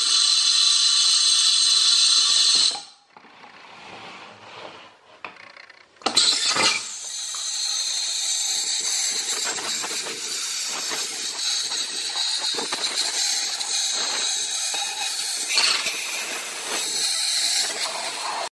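High-pitched whine with hissing water spray that stops briefly and restarts: an ultrasonic dental scaler running.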